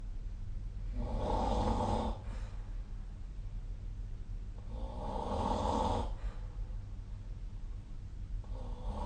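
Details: Rough, buzzing snores repeating about every four seconds, roughly 14 breaths a minute, over a steady room hum; regular snoring.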